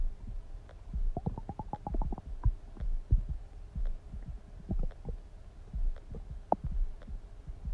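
Irregular low gurgles and bubbling rumbles from the belly; ordinary stomach rumbling (borborygmi), normal gut activity.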